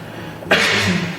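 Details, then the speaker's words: Simulated sneeze in a cough and sneeze etiquette demonstration, with mouth and nose covered by a tissue or sleeve: a single sudden, muffled burst of air after a quiet lead-in. "Tata cara bersin yang benar adalah tutup mulut dan hidung menggunakan tisu atau lengan baju Anda bila Anda bersin."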